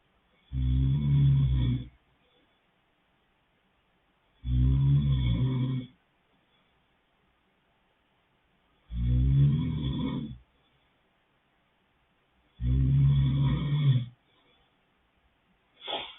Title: snoring boyfriend